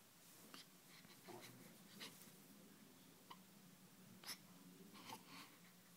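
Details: Newborn baby, 9 days old, with hiccups: several soft, sharp catches at irregular intervals in a quiet room.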